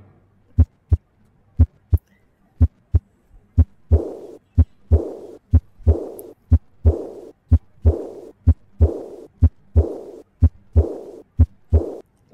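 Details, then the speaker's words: Aortic regurgitation: soft, blowing, decrescendo early diastolic murmur starting with the second heart sound, best heard at the left sternal border, 3rd–4th intercostal space, heart rate about 60 per minute. "a decrescendo early diastolic murmur start with second heart sound best here to left external border between said and forced intercostal space"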